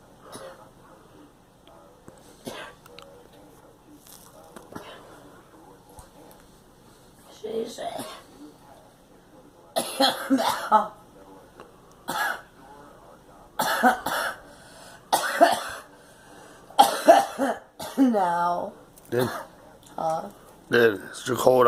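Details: A girl coughs repeatedly in short, harsh bursts after a quiet start, with some voiced sounds between coughs: cough.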